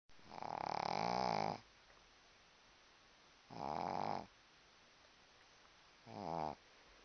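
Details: Snoring: three rumbling snores over seven seconds, each trailing off, with quiet breathing between them.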